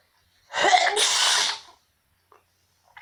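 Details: One loud self-induced sneeze: a quick intake followed by a forceful hissing burst of air; sneeze.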